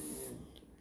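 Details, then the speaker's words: Electric Hoyer patient lift raising a man with a tracheostomy and ventilator in a sling, transferred by one caregiver in a small room: brief mechanical whir and hum of the lift motor, then fading. "lifted i lift it up all the way pull him out and mind you this is by myself and recording with one hand"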